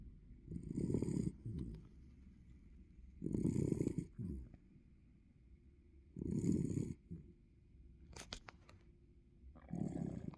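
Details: Sleeping Norwich Terrier snoring: rough, rumbling snores with each breath in, about every three seconds, with softer snorting sounds between them.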